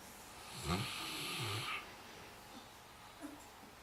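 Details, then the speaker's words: Saint Bernard dog asleep in the kitchen snoring: a single low, rattling snore on the in-breath, followed by quiet breathing; storm noted during recording. "Low snore. With a storm."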